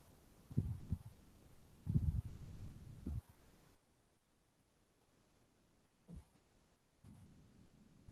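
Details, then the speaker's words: Mitral stenosis murmur played in a cardiology teaching seminar: low, muffled heart thumps with a low diastolic rumble between some beats, then a quiet stretch. "so next we move on to the mitral uh stenosis heart sound"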